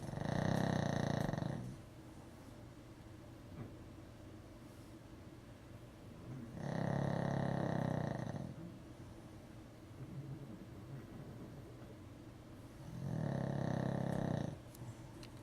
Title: snoring